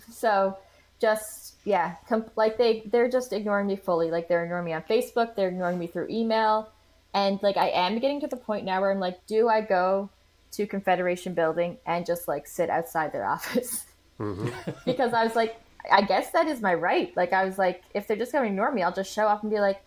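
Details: Adult woman; typical speech.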